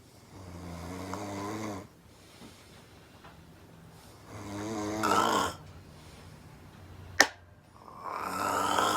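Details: Extremely loud, rattling snores on each in-breath about four seconds apart, with a brief knock between, from a sleeping girlfriend on the couch; audible from across the room.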